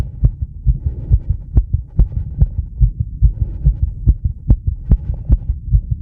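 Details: Adult's heart sounds via microphone on the chest with live 10-lead EKG, after about 2 minutes of rebreathing from a bag to induce mild CO2 buildup: sinus tachycardia, rapid regular low thumps around 135 bpm, faint steady hum.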